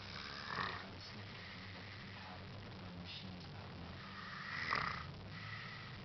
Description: It sounds like he's gargling balls